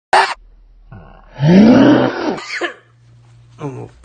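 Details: An adult man, a father, takes a brief breath in, then gives one loud, drawn-out, roaring sneeze, followed by laughter; a forceful sneeze.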